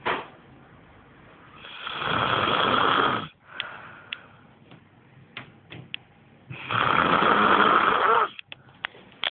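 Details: A man's snoring: two loud, harsh, rattling snores on inhalation, about five seconds apart, with quiet breathing between.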